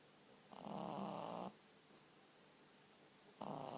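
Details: Pug puppy sleeping with tongue out: two short, snorting, rattly breaths of about a second each, quiet between; snoring.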